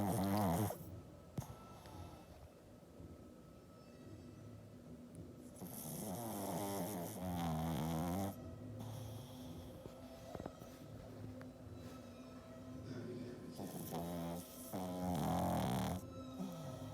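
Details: Pug, a flat-faced dog, snoring with its tongue out: loud rattling, snorting snores on breathing in, quieter breathing out, about 8 breaths a minute.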